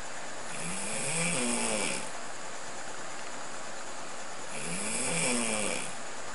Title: Snorlax Snore?